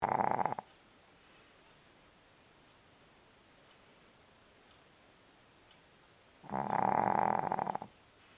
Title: Snoring dog EPIC wake up